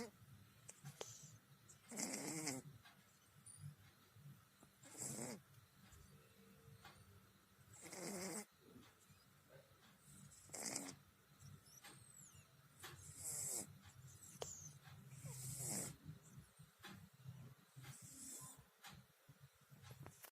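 Soft rhythmic snoring with a rough, fluttering sound on each breath, roughly every three seconds, about 20 breaths a minute, with light room noise.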